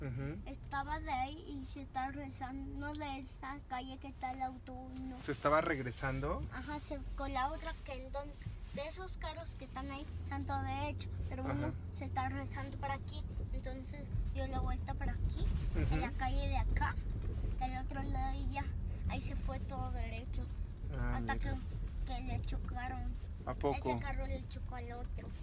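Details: Child, about 6 years; speech of a child with a cochlear implant.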